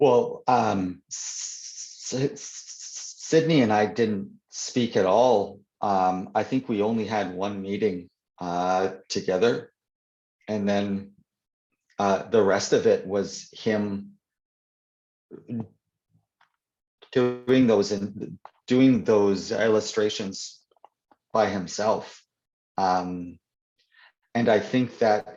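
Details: Adult man who stutters (stammers), the only one in his family who does, in real conversation; stuttering.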